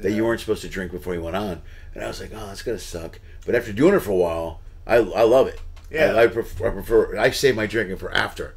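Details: Adult male speaker; Typical speech.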